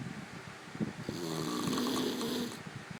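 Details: Tony snoring: a single drawn-out, buzzing snore with a tonal quality on the breath in, in a quiet room.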